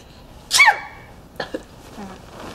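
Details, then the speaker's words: One loud acted sneeze from a film scene, with a sharp burst of air then a brief short sound. "I think it's over sneezes always come in threes if you ever noticed"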